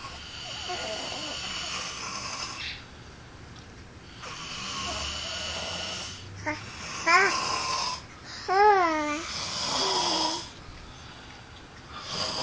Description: My hubby and brother knocked out having a snoring contest.